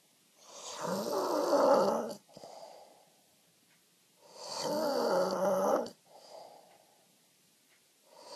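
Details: Man snoring in his sleep: loud, rattling snores on each in-breath, each followed by a softer out-breath, about 16 breaths a minute.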